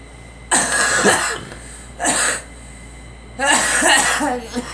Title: Girl coughing